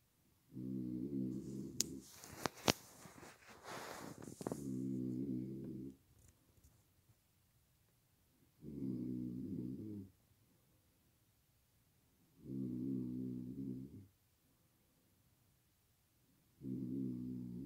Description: I'm a light sleeper, lately snoring too loud and I can't sleep, I wake up with a really bad headache 😫💤🛌💏 😁